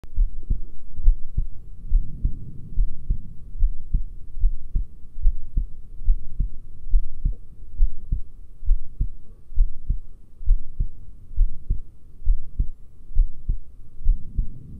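Steady, regular low thumps at about 67 beats a minute through a stethoscope, with a soft rumbling background: normal-sounding heart sounds.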